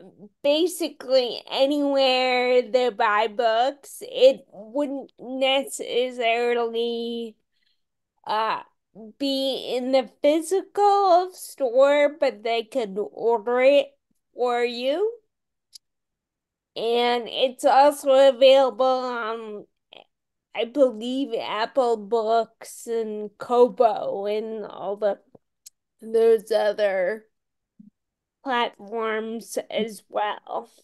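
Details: Ataxic dysarthria in a woman with Friedreich's ataxia, a rare, genetic, progressive disease diagnosed around age 16 in 1990 and genetically confirmed around 1999-2000; she reports longstanding voice issues.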